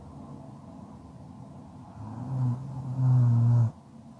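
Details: ASMR sleep recording: a single low, buzzing snore on an in-breath, rising out of quiet breathing; snoring during sleep.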